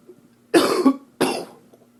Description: From an upper respiratory infection from 2013.